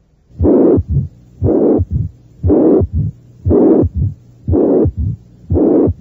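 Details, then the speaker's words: Severe mitral regurgitation at the cardiac apex (review example 10, teaching recording): faint S1 and S2, loud high-pitched, slightly harsh systolic murmur, third heart sound and short mid-diastolic murmur, about 59 beats/min. "el primero y segundo ruidos están presentes pero no son muy evidentes hay un soplo los históricos intensos de tono alto pero que es un poco áspero también hay un tercer ruido cardíaco y un corto soplo mes o diastólico estos son los hallazgos ausculta torios de una insuficiencia mitral grave"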